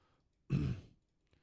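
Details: A single short, low, rough throat clear in a quiet room during a live-streamed sport horse chiropractic broadcast; throat clearing.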